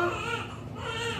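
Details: Newborn's first cry just after a vaginal birth following a normal pregnancy: loud, high-pitched, steady tonal wailing, a vigorous normal cry.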